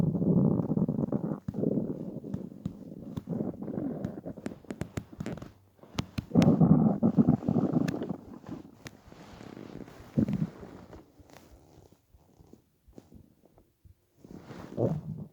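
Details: Person lying on a bed after about 28–30 hours without food while fasting to lose weight (from 65–67 kg): loud, long rumbling and gurgling bursts with crackly pops and quieter gaps. Borborygmi, hunger stomach growling.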